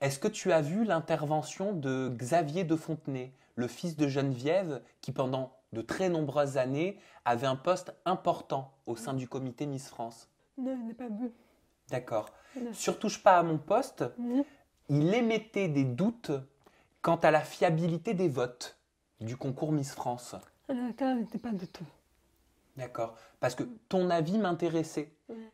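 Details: Adult speaker, French interview; ordinary speech.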